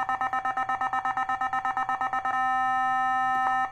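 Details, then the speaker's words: Nihon Kohden TEC-5631 defibrillator tested with an analyzer at 150 J: rapid pulsing electronic charging beeps shift to a steady ready tone, then a brief click as the shock fires. "So 150 nag-uumpisa yan sila hanggang sa mag 200 270 mga ganon ang binibigay nila guys so try natin sa try natin sa 150 kung ilan yung bibigay niya charge"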